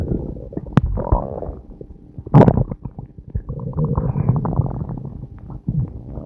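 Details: Continuous low gurgling and rumbling with bubbly pops and squeaks: loud stomach growling from a person recorded on a day when they were passing a lot of gas.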